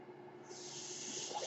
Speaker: That noise you're hearing is my ventilator, and thank you for tuning in to Page Turners They Were Not, my Star Wars podcast.